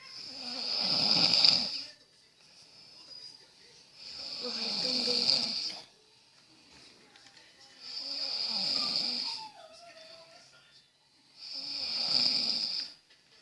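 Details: Person snoring while sleeping: four long, harsh, whistly snores at about 16 breaths a minute, evenly spaced.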